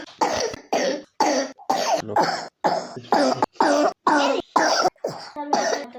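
A young child gives a rapid run of about twelve short, harsh, voiced coughs with brief gaps between them, coughing from pneumonia.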